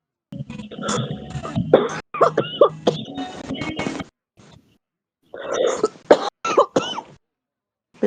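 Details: Real heavy smoker's cough: repeated deep, harsh, chesty cough bursts with throat clearing, music and room noise in background.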